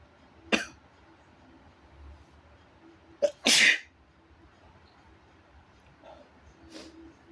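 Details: Person deliberately inducing their own sneezes at home: a quiet room with a few sharp, explosive bursts, the loudest a full sneeze with a breathy blast; sneeze.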